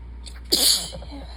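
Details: Tired, sick adult sneezing: a short breath in followed by one sharp, hissing sneeze.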